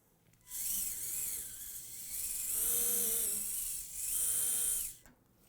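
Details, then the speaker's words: Dental implant surgery for a late single implant: high-pitched whining drill in bursts with shifting pitch as 3.3 mm then 3.8 mm form drills prepare bone after a 13 mm-depth pilot drill. "the first form drill with 3.3 millimeter in diameter the 3.8 millimeter form drill"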